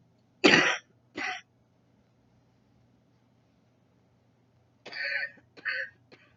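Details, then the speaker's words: Adult with COPD and recently diagnosed Parkinson's disease gives two short clusters of dry, harsh coughs and throat clearing while talking in a quiet room. "Excuse me. I also have COPD."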